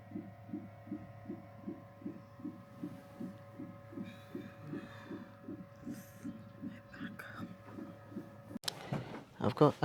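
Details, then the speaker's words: Fetal heartbeat on CTG in the induction suite after waters broke, first-time mother in labour: rapid, regular whooshing pulses about 140 a minute with steady room hum. "Um they hooked me up to the CTG um just for 30 minutes to check how baby was doing and everything was fine."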